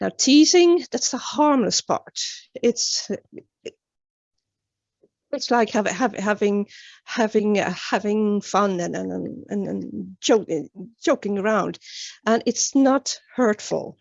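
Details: Stuttering in a woman, an international stuttering advocate.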